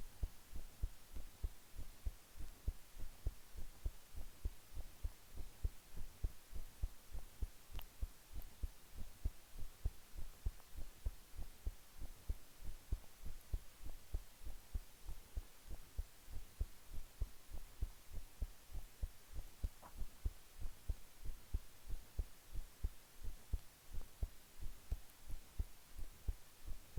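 Steady, deep, muffled heartbeat thumps repeat at a calm, even pace, typical of a normal heart at rest.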